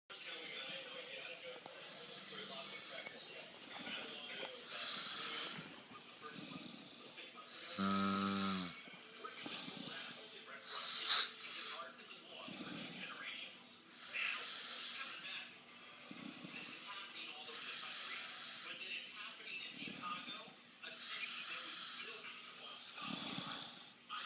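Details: An adult man snores loudly and irregularly with rough, hissy breaths and one deep, drawn-out groan resembling a cow's moo: snoring.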